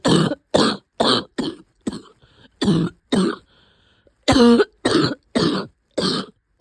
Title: Weeks of coughing